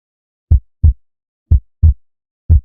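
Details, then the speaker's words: Heart auscultation foci demonstration in a physiotherapy class: clean, low paired lub-dub thumps at about 60 beats a minute with no extra sounds. These are normal first (S1, ventricular systole) and second (S2) heart sounds. "Eso se consideran como S1 a S4. Y vamos a tener lo que son las características, principalmente cuando S1 es causado por lo que es la cístole eh ventricular, S2 por lo que va a ser principalmente lo que es la diástole"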